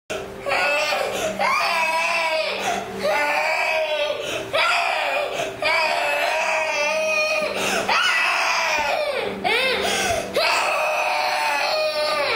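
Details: Child crying hard: loud, sustained wailing in long tonal bursts broken by brief gasping breaths.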